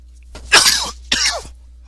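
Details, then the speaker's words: Cough from a sick adult who attributes it to allergy, a persistent cough: two loose, harsh cough bursts in a quiet room, the second slightly shorter. "I'm not feeling too good. It's an allergy thing, but we'll see. I'll just keep moving. I am sick."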